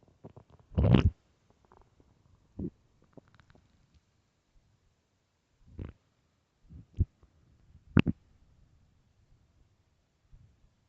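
Low gurgling and rumbling bursts, one long and several short, in a quiet room; loud stomach growling from an empty stomach, a normal finding.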